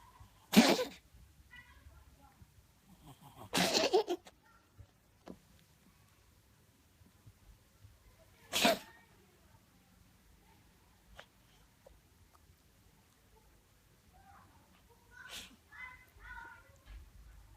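Three sharp explosive sneezes spaced several seconds apart, with faint small sounds between them in a quiet room; a cat sneezing.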